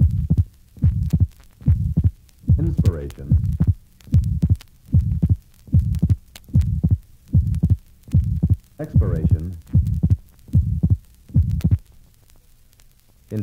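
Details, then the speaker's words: Atrial septal defect: grade 2 ejection systolic murmur with an abnormally wide, relatively fixed split second heart sound that does not increase with inspiration; regular heartbeat near 74 per minute, recorded through inspiration and expiration. "this recording is from a patient with an atrial septal defect note the grade 2 ejection systolic murmur and abnormally wide and relatively fixed split second heart sound"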